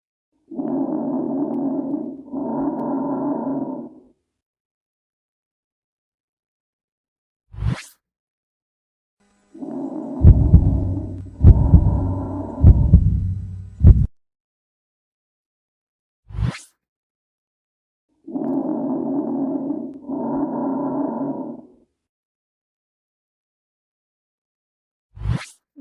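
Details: Normal breath sounds auscultated over the middle lung zone.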